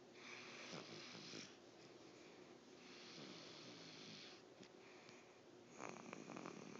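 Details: Snoring during sleep: rough, noisy snoring breaths recurring every few seconds over steady room noise.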